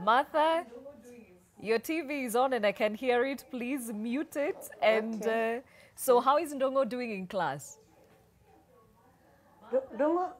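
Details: Adult woman speaking; normal fluent speech.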